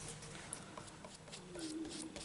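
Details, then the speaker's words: Stomach rumbling (borborygmi) from an adult woman while painting: a low, drawn-out gurgling rumble rising from quiet room noise, a normal digestive sound. "i do apologize that is my tummy so i'm going to leave it like that"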